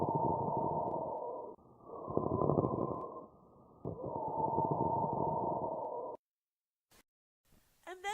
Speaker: This is caused by inflammation of the pleural membranes, for example, when you have pleuritis. This is a rubbing sound of inflamed pleural surfaces that causes pain during breathing.